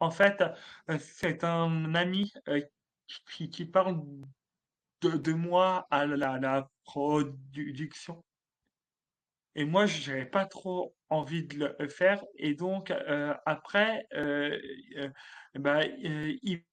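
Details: Stuttering in an adult male comedian who has stuttered since childhood, with teasing in his childhood; he calls it a handicap and says he would choose to keep his stutter.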